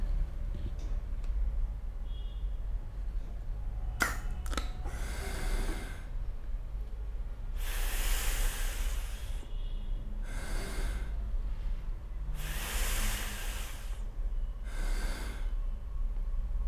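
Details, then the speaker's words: Metered-dose inhaler used with a spacer, demonstrated for asthma/COPD patients: sharp clicks of one puff, then about four slow, deep breaths in and out through the spacer over steady low room hum. "इस तरीके से एक बार इन्हें व को दबाने के बाद जो से तीन बार चार आप सांस लें और छोड़ें ताकि ज्यादा से ज्यादा मेडिसिन आपके फेफड़ों के अंदर यानि कि लंच के अंदर चली जाए"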